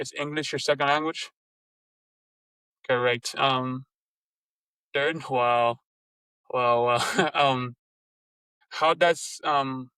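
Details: Stuttering in an adult Lebanese woman who speaks three languages.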